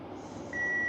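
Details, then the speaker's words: Simulated AED training demonstration: after a brief low hum, a steady high-pitched electronic tone as the defibrillator charges once a shock is advised, with voice prompt to stay clear of the patient; AED charging tone. "Shock advised. Charging. Stay clear of the patient."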